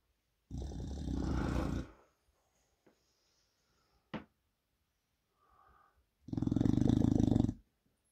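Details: An English Bulldog snoring with his eyes open: two long, loud, rattling snores separated by quiet pauses with small snuffles; noisy, fluttering breathing.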